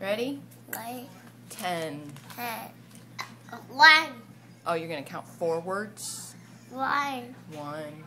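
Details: Adult woman speaking with a young child; typical adult speech.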